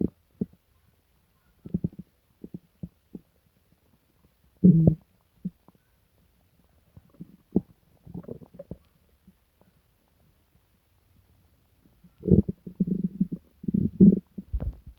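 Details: Scattered low gurgles and deep growling stomach rumbles, louder toward the end, in a person sick for days with stomach pain, diarrhea and nausea; loud borborygmi.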